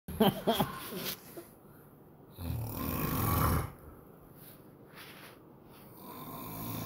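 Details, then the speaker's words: Snoring from a sleeping father: a brief vocal sound, then one long, low, rattling snore on an in-breath, followed by quiet room noise. "Qué chistoso asustada el ronquidos de papá ahorita ahí como ronca"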